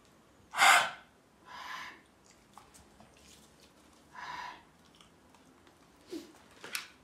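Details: Female pit bull on her third day of kennel cough, with runny nose and sneezing, still playful with good appetite; several harsh, breathy hacking bursts like clearing the throat, a gagging cough.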